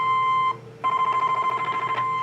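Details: Steady high electronic tone with rapid regular pulsing clicks, about eight per second, from a cosmetic treatment device firing shots across the abdomen, working one millimetre at a time with gel-coated cartridge.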